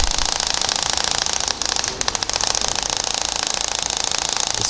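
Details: Shock wave therapy on the foot for plantar fasciitis, using a flat 15 mm linear head over the plantar area (1000–1600 shots planned): rapid sharp clicking shots, about two per second, with a brief pause, as the shock wave device fires.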